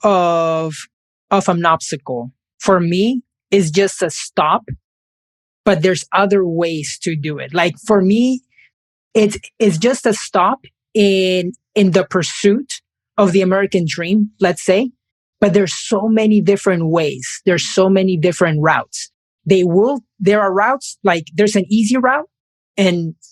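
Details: Man who has stuttered since age five in both Spanish and English, which he calls a speech impediment; he says listeners may or may not hear it: stuttering.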